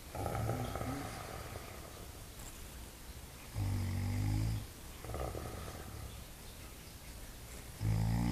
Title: Animal snores sleeping